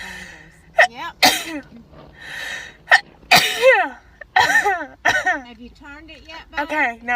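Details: Girls taking a Covid-19 nasal swab test sneeze uncontrollably: several sharp voiced sneezes in a row with brief vocal sounds between them, reflex sneezing set off by the nasal swab.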